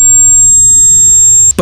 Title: How To Soon Tinnitus Sound 😲